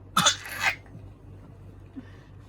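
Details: Young child with a cough and cold for almost two weeks, before home nebulizer therapy: a single harsh, noisy cough burst, followed by quiet.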